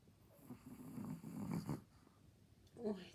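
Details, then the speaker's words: Small dog sleeping on her back like a person, eyes open, snoring; snoring stops when she changes position. "Вот так лежит наша Мишка, как человек. И слышите, храпит."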